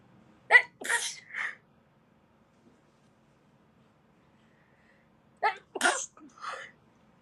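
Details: Japanese girls sneezing: two short sneezing bouts, each a quick breath in then a sharp burst, separated by silence.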